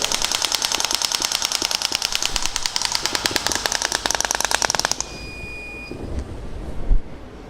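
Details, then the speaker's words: Shock wave therapy device with a 6 mm head firing over a swelling on the Achilles tendon, moving up and laterally: rapid, regular sharp clacking pulses at about 200 a minute, then stopping. "So in this area we're going to start shooting again, and again we're making this movement, and if we find there is a again the swelling, on the swelling we're going up and lateral again."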